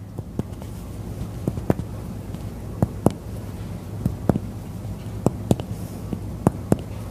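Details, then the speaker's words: Sharp tapping strikes over the chest during a lung and thorax exam give hollow notes; resonant percussion note heard in all lung fields bilaterally. "okay so a resonant percussive note was heard in all lung fields bilaterally"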